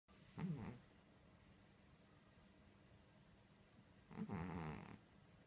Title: Cat Snoring *Very Funny*